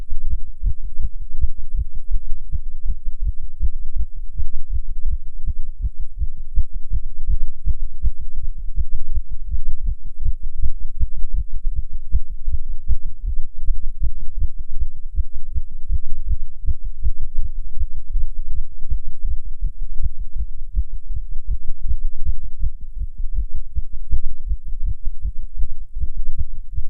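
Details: Rapid, regular low heart thumps throughout, recorded while a non-smoker smokes a cigarette, heart rate increased by nicotine: tachycardia.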